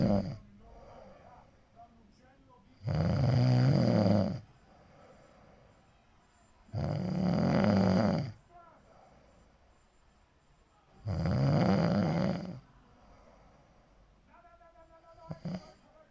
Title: snoring really hard 😭😭